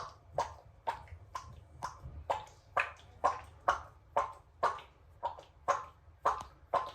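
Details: Plump cat whose belly is being touched: regular soft clicking or squishing pops, about two a second, from its stomach; the cat is stated not to be sick; harmless abdominal sounds in a cat.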